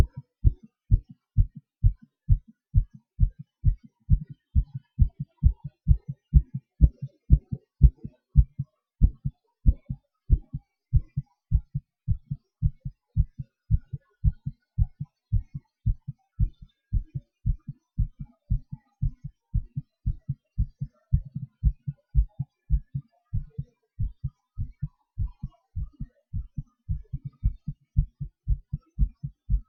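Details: Self-recorded heartbeat of an adult doing breath-holds and panting (hyperventilation): steady low heartbeat thumps that quicken and slow with the breathing changes: heart rate changes during breath-holding and hyperventilation.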